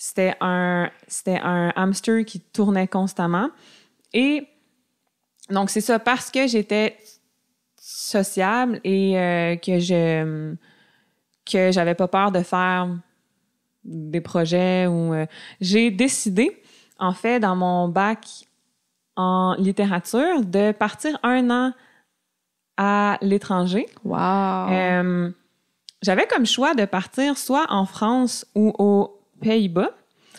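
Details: Adult woman diagnosed with stuttering at age 7, with a family history of persistent stuttering, who masked it until about age 21; audible repetitions; finding: stuttering.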